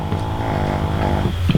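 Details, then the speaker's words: Pet dog snoring loudly while sleeping after eating and going outside: steady, low, rattling rumble through one drawn-out breath ending in a brief snort. "Bella's over here snoring up a storm, y'all. I guess you can hear her."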